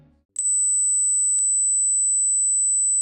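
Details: A steady, very high-pitched pure tone from a headphone hearing test of rising frequencies; hearing all of the frequencies suggests the listener is likely under 20.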